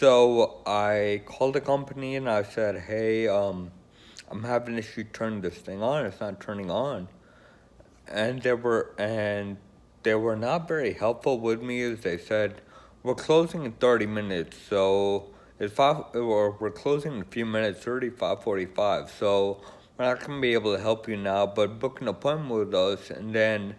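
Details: Man with Friedreich's ataxia who uses an electric wheelchair; ataxic dysarthria.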